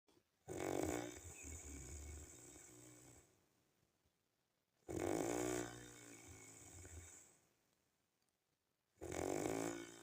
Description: This is the real and original snoring sound of mine 😴